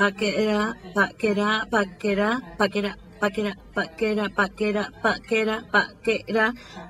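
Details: 55-year-old right-handed woman with nonfluent variant primary progressive aphasia, symptoms beginning almost three years before recording, attempting rapid repetition of 'pa-ta-ka' with sound distortions and sequencing errors: apraxia of speech.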